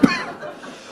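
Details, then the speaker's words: Acted comedy: a single short, sharp adult cough burst, fading quickly into a quiet room. "Oh putain. tu tousses avec de la glaire. Ah oui, il y a de la glaire."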